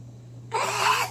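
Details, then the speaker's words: Adult woman imitates her own very loud sneeze while retelling a story: a single loud, abrupt sneeze-like burst; imitated sneeze. "제 재채기 소리 들어보셨죠? 네. 엄청 크지? 네. 그땐 더 컸어."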